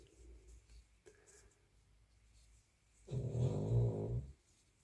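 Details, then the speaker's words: After a quiet stretch, a single low, fluttering snore lasting just over a second from a sleeping dog in a quiet room, heard during a crochet recording; snoring. "Today, we'll be accompanied by a dog's snoring. And today, while I'm recording, the weather is so bad you can only sleep, so you'll sometimes hear that snoring ;)"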